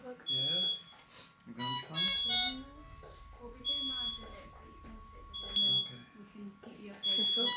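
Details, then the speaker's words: Delivery room, extremely preterm newborn about 26 minutes after birth being handed to mother for a cuddle; saturations and temperature reported fine: repeated short high monitor beeps, about 35 a minute, over adult talk and the baby's small cries. "i'll apologize in advance for the beeps of the monitors it's something you only realize is going on in retrospect but if you can try and hear through the beeps the baby's about 26 minutes posting till here and it's just being handed to mum"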